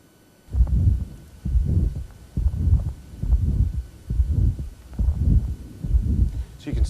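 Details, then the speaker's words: Pulmonary valve stenosis heard at the base, left upper sternal border: a soft crescendo-decrescendo mid-systolic murmur between the first and second heart sounds, regular rhythm near 69 a minute. "now we're going to differentiate that from pulmonary valve stenosis which is also in its milder forms mid-systolic and herd at the base generally left upper sternal border"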